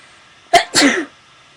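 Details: A quick inward catch followed by one sharp, forceful burst of air, a single sneeze recorded on purpose at the start of a sneezing video; sneeze.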